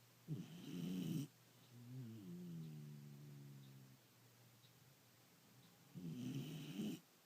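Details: Loud snoring during sleep: two rough, rattling snoring breaths about five seconds apart, with a softer tonal breath between them in a quiet room.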